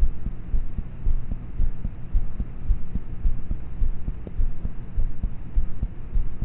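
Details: Own heartbeat recorded at about age thirteen at night in bed, using a cheap mp3 player with a mic; quiet, muffled beats around 107 per minute under a low hum; poor-quality recording of normal heart sounds.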